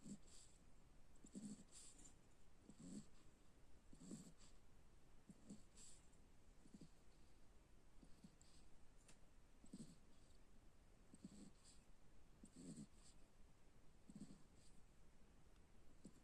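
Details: Sleeping Cocker Spaniel dog: soft, regular snuffling snores about every 1.4 seconds, roughly 43 a minute; harmless snoring.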